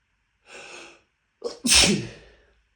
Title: Dust Sneezing Fit